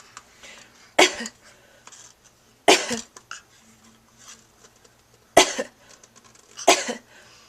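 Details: An 8-month-old infant gives four short, sharp cough-like bursts, playfully imitating his mother's cough rather than coughing from illness: imitated cough.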